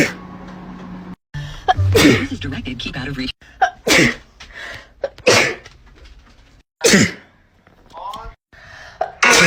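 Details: Short sneezing compilation: a run of abrupt, explosive sneezes with quick intakes of breath between them, cut together one after another; ordinary sneezing.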